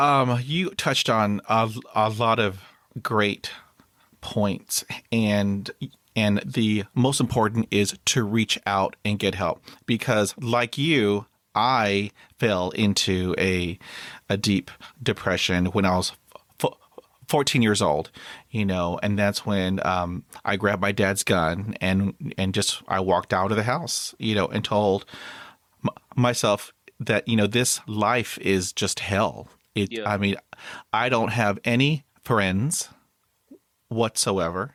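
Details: Adult man who stutters, recounting a severe block; stuttering.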